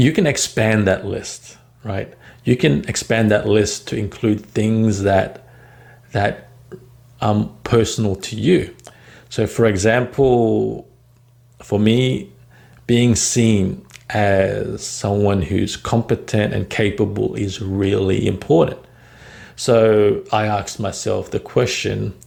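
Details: Adult man who stutters and describes working on overcoming it, with a word repetition heard; stuttering.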